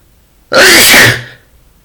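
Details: Sneeze during a cold with runny nose and itchy eyes: a single loud, forceful sneeze with a sharp onset that trails off quickly.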